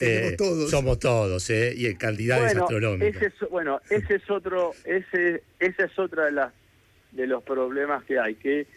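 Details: Adult man who has stuttered since childhood and still lives with it, speaking Spanish in a real live radio interview; stuttering.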